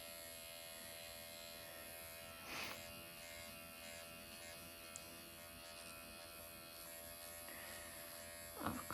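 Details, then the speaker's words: Automated microneedling pen used in self-treatment of the eye area at 1 mm needle depth, after numbing cream and with hyaluronic acid; painless, with mild erythema. Steady high electric buzz with brief handling noises. "This does not hurt, by the way, at all. And I'm using like 1 millimeter still for this area."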